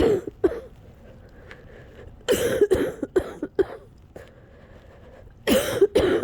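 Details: Coughing fit near the end of an almost hour-long fit, after a cold lasting a couple of weeks: repeated harsh coughs in clusters with quiet, shaky breathing between bursts.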